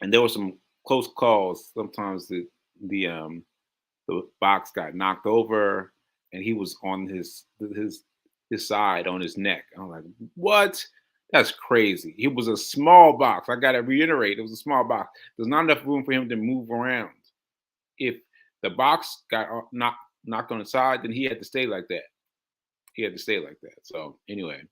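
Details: Aphasia, a language disorder affecting communication, in a male host after a stroke on July 14, about six months earlier; he says he experiences it when trying to communicate.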